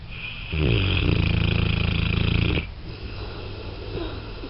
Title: Thor snoring